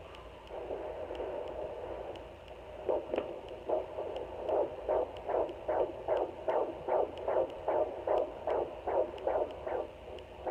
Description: Listening to baby's heartbeat on home Doppler at 17 weeks